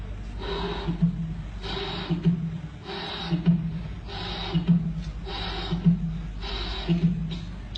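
A slow, regular heartbeat, about 55 a minute, with a long blowing, hissing murmur filling the gap after each first sound. This is a holosystolic murmur of mitral regurgitation, caused by blood leaking backward through the mitral valve with each contraction.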